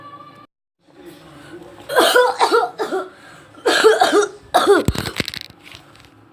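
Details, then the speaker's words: An acted, exaggerated ("lebay") cough: three loud, theatrical bursts of coughing with throat-clearing. "Yang pertama, kita ada orang yang batuk sangat lebay."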